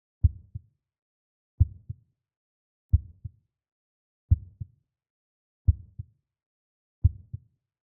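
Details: Heartbeat: a steady, slow lub-dub at about 44 beats a minute, with no background noise.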